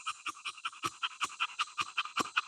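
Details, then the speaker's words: One-year-old male English Bulldog stud during BOAS breathing test, about minute 18 of intense exercise at 85 degrees: fast, even panting about five breaths a second, clean with no catch or snort; normal panting after exercise. "We're about minute 18. He's hot, but he's still breathing. So what you look for is really that catch. If you listen to him, it's clean. There's not a catch."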